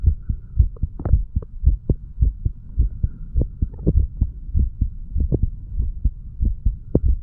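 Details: Self-recorded stethoscope heart sounds of a standing 35-year-old man over mitral, tricuspid, pulmonary, aortic and right ventricular areas: steady low lub-dub with clear valve sounds, no added sounds; normal.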